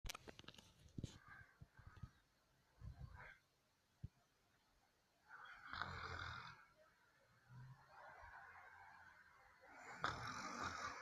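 Soft, irregular, rough breathing noises with a few rattling, snore-like breaths, some clicks and rustling. Light snoring.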